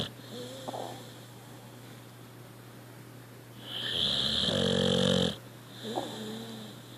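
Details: A contented sleeping puppy, tongue touching the floor, gives a loud, whistling, rattling snore on one breath with softer squeaky snuffling breaths around it.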